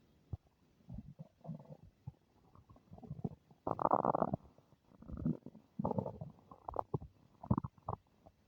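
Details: Person's stomach making unfamiliar noises: quiet, low gurgles and rumbling bursts of varying length, with one louder squeaky stretch; bowel sounds (borborygmi).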